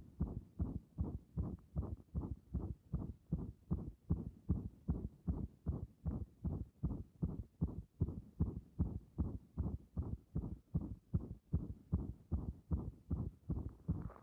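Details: A steady, fast, strong heartbeat at about 150 beats a minute, heard through a stethoscope pressed directly and firmly on the chest; heart sounds.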